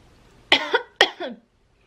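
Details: Two harsh, dry coughs in quick succession from a person smoking a cigarette in a quiet room.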